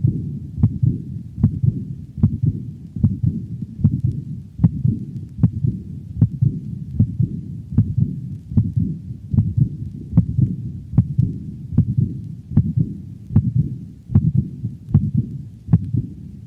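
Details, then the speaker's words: Dog with aortic insufficiency: high-frequency decrescendo diastolic murmur following the second heart sound, disrupting the normal sound pattern; played at slow speed, then at normal rate. "notice how the normal heart sound pattern is disrupted by this high frequency diastolic murmur listen to the murmur of aortic insufficiency played at slow speed and then increased to a normal rate"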